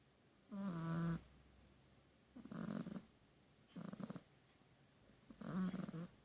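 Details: Snoring in a sleeping pet: soft, fluttering snorts repeating with each breath, roughly 25 a minute, in a quiet room; snoring.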